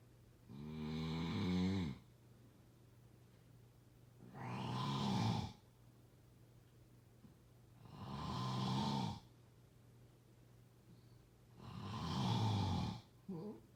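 Four loud, low rattling snores, about 16 breaths a minute, with quiet pauses between them.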